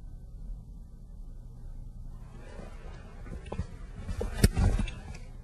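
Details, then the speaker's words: Normal bowel sounds heard in a demonstration abdominal exam with the stethoscope diaphragm resting lightly on the upper left abdomen: low rumble with a few brief gurgles and clicks. "you need to listen until you hear bowel sounds if you don't hear vowel sounds in a quadrant you need to listen for a full two minutes before you can say that the bowel sounds are absent in any given quadrant but normally bowel sounds are present at a rate of 3 to 34 a minute so they're usually very easily heard"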